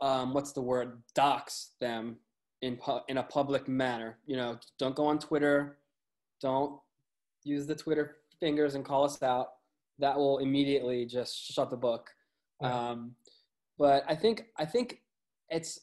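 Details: Lifelong stuttering in an adult male music website editor, who says it is audible; word and phrase repetitions.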